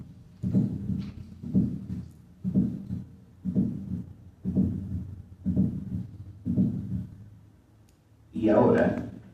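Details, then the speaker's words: Auscultation teaching recording through the stethoscope bell at 60 beats per minute: regular, low thumps about once a second, normal heart sounds S1 and S2, then a voice begins. "para ello la campana del estetoscopio primero a 60 latidos por"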